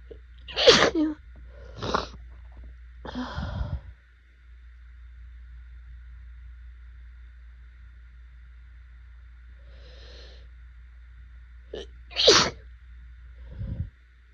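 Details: Bad allergy flare in pollen season, swollen eyes and burning throat: several forceful, messy, itchy sneezes, some with a sharp intake of breath first; allergic rhinitis sneezing.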